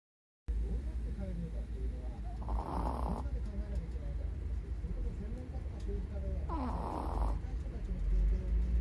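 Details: A 16-year-old Chihuahua with cataracts and hearing loss, snoring while deeply asleep during a daytime nap: two soft, brief snorting snores against a steady low background hum.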